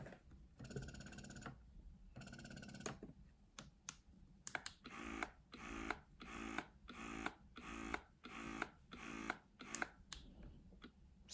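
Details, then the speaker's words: Rhythmic motor cycles of a Spectra electric breast pump, about 88 a minute after startup bursts, played as a noise comparison; quieter than the Bellababy wearable pump. "you can see that spectra is a a bit a bit quieter so this one a bit noisier but then this is only one model and only one side"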